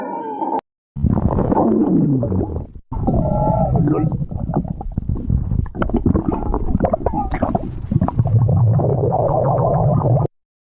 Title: stomach growling 44